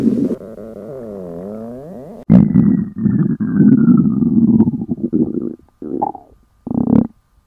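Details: Loud stomach growling in young women fasting for 24 hours: long gurgling, groaning rumbles with sliding pitch, then shorter bursts, from hunger.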